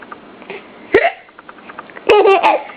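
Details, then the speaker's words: Infant son and parent both with hiccups: two sudden catching hiccup sounds, each running into giggling laughter, during the baby's first full giggle. Hiccups. "We both got the hiccups? Oh, you got gas. This is your very first full-on giggle. You poor thing, you have the hiccups too."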